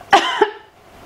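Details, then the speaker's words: Single deliberate cough in two short bursts in a quiet room: voluntary cough on demand by an adult woman while she lifts her pelvic floor, during a physiotherapist's ultrasound biofeedback demonstration of pelvic floor training for urine leakage. "or if I'm teaching people how to not leak urine when they're coughing and sneezing I ask them to lift it up and and"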